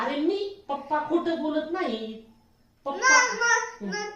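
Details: Nine-year-old boy deaf since birth, after three to four years of speech therapy (weekly the first year, then monthly), now speaking well, talking with his therapist; speech of a child with congenital hearing loss.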